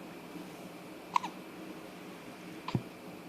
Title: Hiccups & such